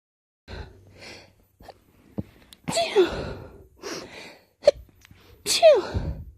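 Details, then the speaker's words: Forceful sneezes that the person is trying to stifle: sharp inward gasps building up to three forceful sneezes in quick succession. "These are almost too strong to stifle, but not quite. Oh my god, they're so strong."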